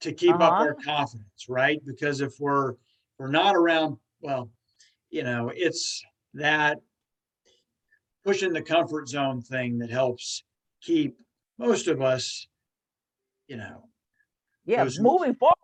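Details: Stuttering in an adult woman, a stuttering support group leader.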